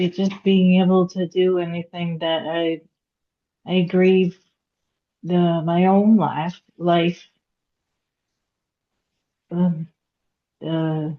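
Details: Aphasia in a woman after a hemorrhagic stroke at age 36 (September 2018); she could not talk for 2 years and now speaks after recovery.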